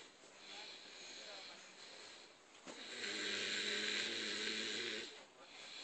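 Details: Man snoring while sleeping, head not touching the cushion: breathy hissing inhalation, then a rough rattling snore about two seconds long.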